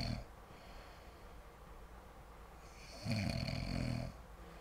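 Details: Sleeping adult (Joe), loud low rattling snore lasting about a second after a quiet stretch, with a brief snore at the start; snoring during sleep.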